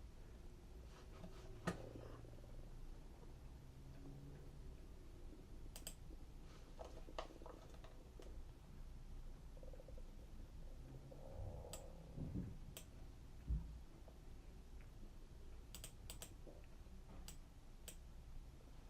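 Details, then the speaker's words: Stomach rumbling (borborygmi) during a live stream: low, drawn-out gurgling rumbles under steady room hum with scattered keyboard-like clicks; streamer notes the stomach is loud and "going crazy". "You can hear my stomach. I might have to get off live for a little bit and cuz you hear it. Jeez. Going crazy."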